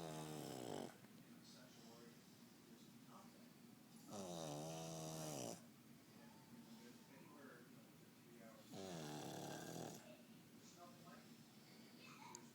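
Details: Pug snoring: loud, rough snores with long pauses between them, about three in 12 seconds, over a steady room hum.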